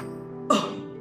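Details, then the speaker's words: Demonstration of a manually assisted cough: deep breath, hand pressing inward on the abdomen below the lower ribs, then a single short, forceful cough over background music. "otra forma es hacer la presión directamente sobre el abdomen pongo la mano sobre el abdomen debajo de las últimas costillas respiro profundamente"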